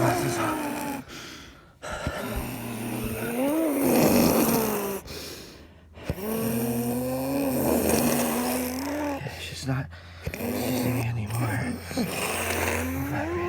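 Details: Adult woman after a grand mal tonic-clonic seizure: loud, drawn-out groaning, snoring-like breaths with a moaning voiced tone, about 16 a minute; postictal stertorous breathing.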